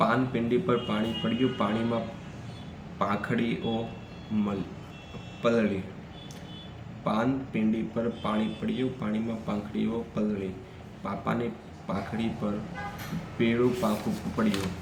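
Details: Adult man who stammers, reading Gujarati tongue twisters on the 'p' sound, which he finds difficult; stuttering.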